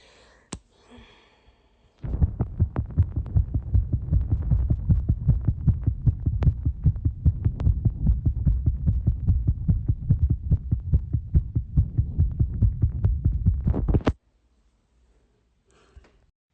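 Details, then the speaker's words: Rapid, steady low thumping heartbeat recorded by a phone placed over the middle of the chest just after running: heartbeat after exercise. "Okay, now I wonder if you can hear it. I just finished running, so let's try."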